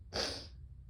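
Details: Harsh, barky sneeze in bronchitis, recorded 11/21: one abrupt, explosive sneeze that comes on fast, is quick and intense, and then is done.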